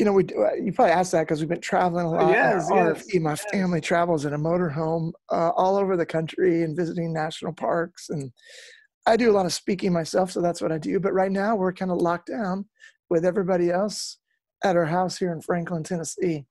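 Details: Real adult male former lead singer with incurable spasmodic dysphonia that began at the height of his musical career; doctors could not fix it and it ended his singing career. He still struggles with it, and he says it is audible here. Spasmodic dysphonia.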